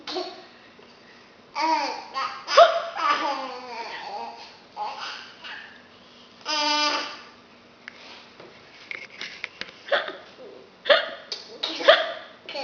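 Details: Fake hiccups from an adult woman, imitated to amuse a young child: short sudden catching hiccup sounds between the baby's babbling and laughing in a small room.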